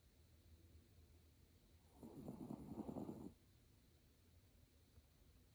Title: Snuggled in a Plush Throw, Snoring Like an Angel Sparkle Jean’s Sweetest Nap Ever! #SparkleJean 💛